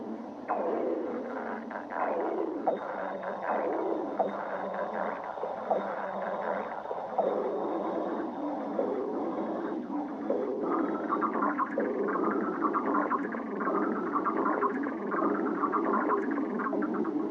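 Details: Stomach growling: continuous gurgling and rumbling with squeaky, drawn-out tones of gas and fluid moving through the gut (borborygmi).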